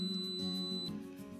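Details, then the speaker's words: iGo2 portable oxygen concentrator powering on: a single steady high-pitched electronic startup beep over a low hum, as all display symbols briefly light for the self-test after the power button is held. "the device will beep and briefly illuminate all symbols on the display control panel"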